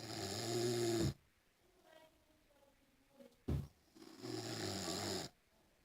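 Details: Sleeping dog snoring: two loud, rumbling, buzzy snores with a brief snort between them.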